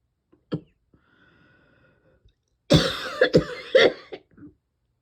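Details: Cough that will not quit, with throat and lungs constantly tickly: a single cough, a quiet pause, then a run of four or five harsh coughs in close succession.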